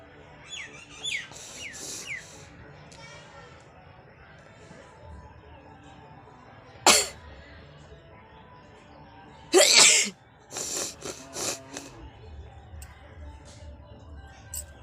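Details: Person feeling unwell, with watering eyes: two sharp, explosive sneezes followed by a run of shorter nose-blowing bursts, over quiet room noise.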